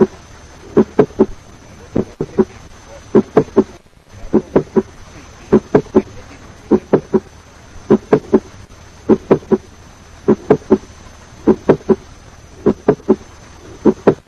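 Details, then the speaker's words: Mid-systolic click due to mitral valve prolapse: high-pitched sound best heard at the apex, about 150 milliseconds after the first heart sound. "Now let us listen to a mid-systolic click due to mitral valve prolapse. Mid-systolic click is a high-pitched sound best heard at the apex, occurring about 150 milliseconds after the first heart sound."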